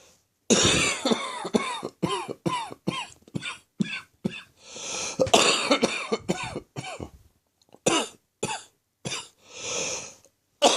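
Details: Occasional coughing fits, recorded in late morning, while a chest infection slowly resolves; cough.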